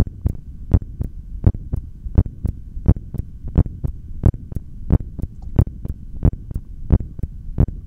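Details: Strong, regular low heart thumps at about 90 beats a minute through a stethoscope during a held breath, from a single take of exhaled and inhaled breath-holds, with a faint steady hum behind.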